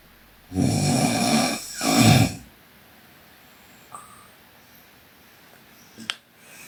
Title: Sleeping Korean Girl Snoring (PNGK) Part 2